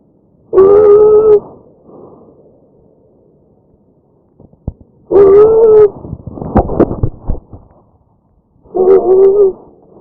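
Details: Tracheal stridor from a real patient: loud, high-pitched musical breaths recurring about every four seconds, signalling narrowing of the windpipe.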